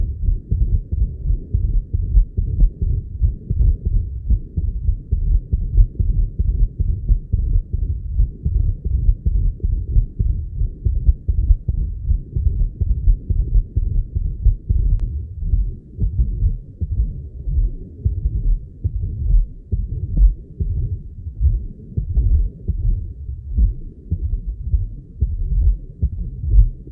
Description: Patient with AF and double mitral lesion